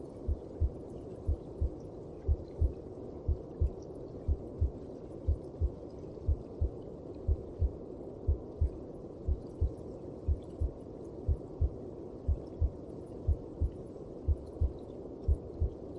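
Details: Heartbeat heard inside the mother's belly (womb): steady muffled double thumps at about 60 a minute under a low whooshing hum.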